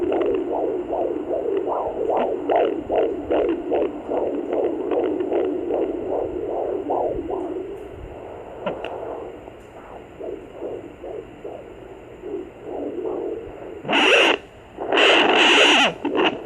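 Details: Fetal heartbeat at 20 weeks of pregnancy on a Sonoline B fetal Doppler: fast whooshing beat about 150 a minute, with loud bursts from the baby (male) moving; fetal heartbeat on Doppler.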